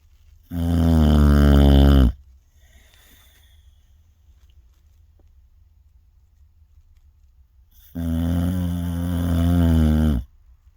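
Two long, loud, rattling snores about six seconds apart, quiet breathing between them; ordinary snoring.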